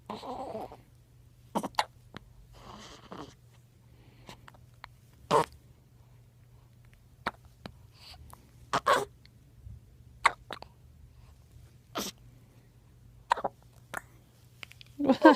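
Short, sharp, jerky sounds repeat at irregular intervals in a quiet room, in keeping with hiccups.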